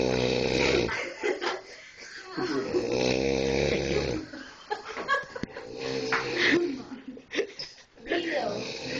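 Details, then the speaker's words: Loud, rumbling snores from a sleeping adult man, one long drawn-out snore, while others talk and laugh quietly nearby; snoring. "y lo peor es que ronca por las pompas"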